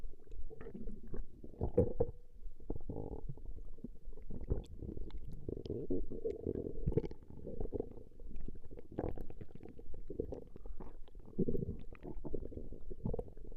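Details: Woman's stomach growling, recorded over a long session: low, irregular gurgling and rumbling from the belly, coming in bursts; ordinary borborygmi.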